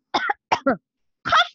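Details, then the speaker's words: Adult teacher in a primary one science online class deliberately demonstrates coughing with three short, sharp bursts: voluntary cough. "i'm coughing and you can hear the sound with your tears"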